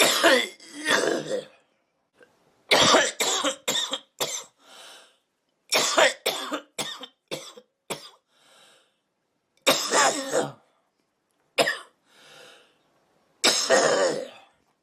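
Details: Woman smoking: repeated harsh coughs in fits of several, with short wheezy breaths drawn in between bouts, a smoker's cough.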